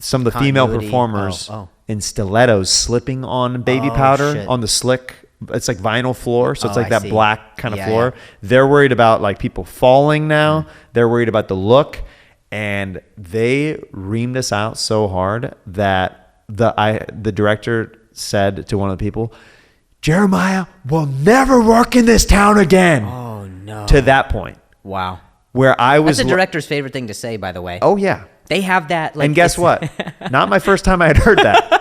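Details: Adult men talking, podcast conversation; conversational speech.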